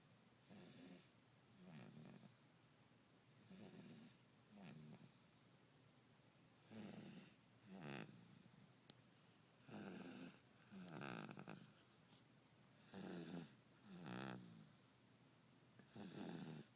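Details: Soft, rhythmic snoring about 19 breaths a minute in a quiet room, recorded close up from an infant sleeping, with an alarm in the background; infant snoring during sleep.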